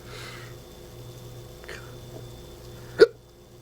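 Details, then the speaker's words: A single abrupt, sharp hiccup over quiet room hum, during a persistent bout of hiccups at about 3 a.m.; the person reports that smoking a cigarette while hiccupping hurt. "cuz it's getting really really annoying trying to record a song with the hiccups and I just don't know what to do"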